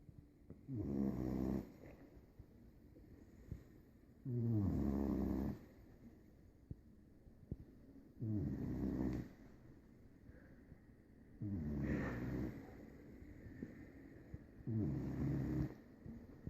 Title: My Puppy snores sooo loudly :)